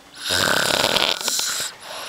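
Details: One loud, harsh, rattling snore lasting about a second and a half, with noisy breathing around it, from a man described as drunk; heavy snoring.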